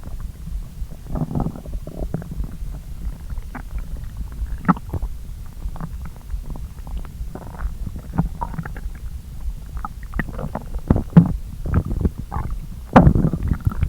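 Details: Stomach of someone who skipped breakfast and ate pasta at lunchtime, digesting after the meal: continuous low gurgling and rumbling with bubbling bursts, loud normal borborygmi.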